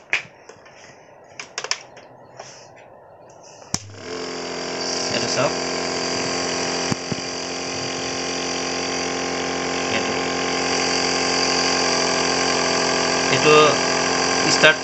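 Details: Piston compressor nebulizer being set up and switched on: a few clicks and handling sounds, then a steady mechanical hum and buzz as it runs.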